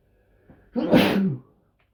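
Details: A single forceful sneeze after a short indrawn breath, from a male who says he normally sneezes 3 to 5 times in a row; part of a sneeze compilation.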